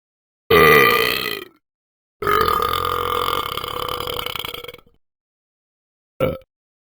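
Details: Two loud, long voiced belches followed by a brief third; burping, the release of swallowed air through the mouth.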